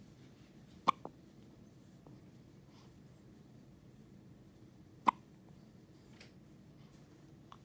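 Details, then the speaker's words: A baby's first hiccups: two sharp, brief clicks about four seconds apart over quiet room noise. "There's little hiccups."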